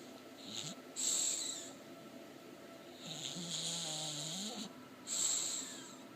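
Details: English Bulldog asleep and dreaming: hissing, whistling breaths through a narrow airway with a drawn-out nasal whine between; snoring.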